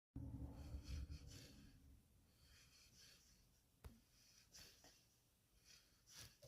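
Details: Sleeping husky dog: soft snorting, snuffling breaths with a few brief louder snorts, harmless noisy breathing during sleep.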